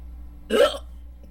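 One abrupt, short voiced catch of breath in a quiet room, a single hiccup.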